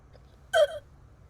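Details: Single sharp, voiced hiccup from a Korean girl in a quiet room; an ordinary hiccup.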